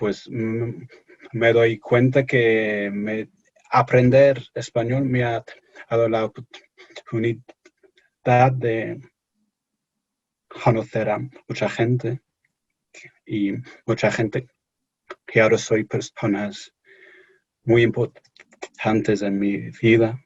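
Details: Stuttering in an adult English-born man speaking Spanish as a second language during an interview.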